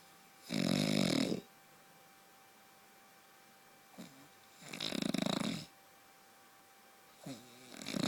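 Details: Husband's long-standing heavy snoring, loud enough that his wife has slept in another room for years: loud, harsh rattling snores on breathing in, roughly every four seconds, with quiet gaps.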